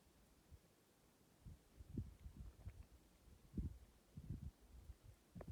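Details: Cat hiccups: soft, low, repeated jerky thumps at irregular short intervals in a quiet room.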